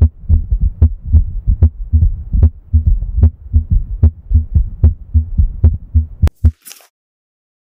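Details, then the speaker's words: Heart sounds at the auscultation point described as Erb's point, third intercostal space at the right sternal border: regular paired lub-dub at about 75 beats a minute. Normal S1 and S2. "this oscilation point is known as the herbs point and it is best to hear the normal S1 s to sound and the abnormal heart sounds such as S3 and atrial sepal defect"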